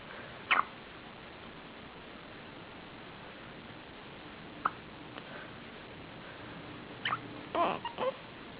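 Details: Hiccups recorded 2008-08-08: several short, sharp catching sounds at irregular intervals over steady room hiss.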